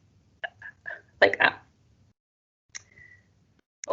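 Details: Speech and language therapist demonstrating a childhood stammering block: no sound comes out, perhaps a little throat sound as the child tenses; stammering block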